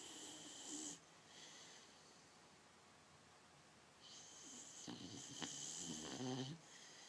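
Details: Light snoring from a sleeping boxer dog: soft, hissy breaths with faint fluttering snorts on each inhalation in a quiet room.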